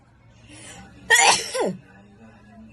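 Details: A quick breath in, then a single sharp, wet sneeze burst that trails off, with faint room noise behind it; sneezing.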